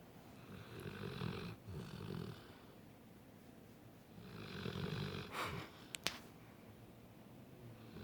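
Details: Pet fast asleep gives two long, low rumbling snores on slow breaths, with a brief click near the end in a quiet room; snoring.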